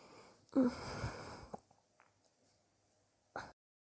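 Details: One harsh cough burst of about a second, quiet, then a short second burst, from someone coughing for weeks and sore from it; chest X-ray pending to check for pneumonia; suspected bronchitis.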